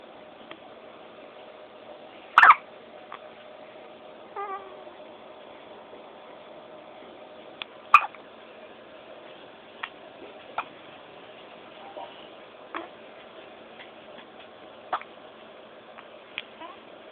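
Quiet room with a few soft, abrupt clicks spaced irregularly, roughly eleven a minute, consistent with hiccups.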